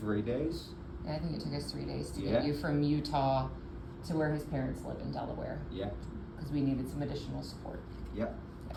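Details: Adult woman speaking, with brief replies from a second adult; typical speech.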